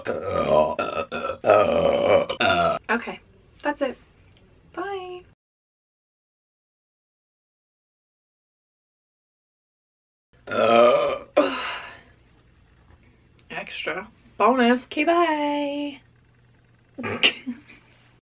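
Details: Burping compilation: several short, throaty burps in two groups separated by silence, some with a voiced, croaking quality.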